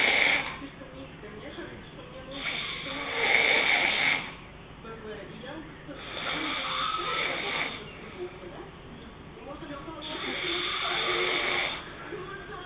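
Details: Adult woman sleeping, heavy snoring: loud, harsh, rattling snores about every four seconds, roughly 15 a minute, with quieter breaths between; snoring.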